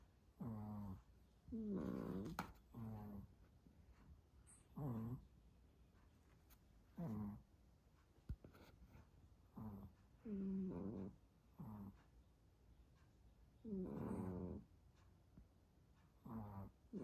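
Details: Two small sleeping dogs, tagged Chihuahua and Pomeranian, snoring together with different tones: soft rattling snores at about 18 a minute in two overlapping rhythms; ordinary snoring.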